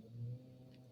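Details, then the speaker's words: A brief low, rumbling snore from an older dog sleeping in the background, rising and fading within a second over faint room hum: snoring. "And my older one sleeps through everything. So she is older. You can probably hear her now in the background snoring."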